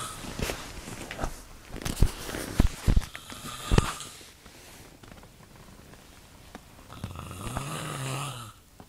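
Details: Loud, irregular low rumbling snores with snorting bursts in the first half, then quieter breathing with a softer snore near the end: a man snoring in the middle of the night.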